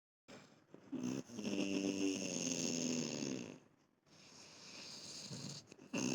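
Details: A sleeper gives a long rattling snore on the in-breath, then a softer, airy out-breath in a quiet room; ordinary sleep snoring.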